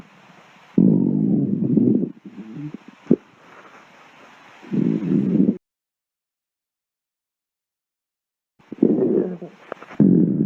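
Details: Stomach growling compilation: low rumbling, gurgling bursts of varying length with silent gaps between them; borborygmi.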